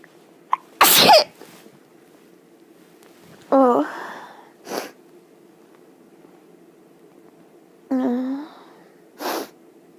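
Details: Three sneezes in bed, each a voiced gasp and explosive burst followed by a short nasal exhale, in a quiet room.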